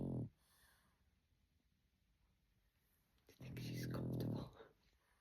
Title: Snoozy Snoring Ce-Ce. 🐾🐾🐾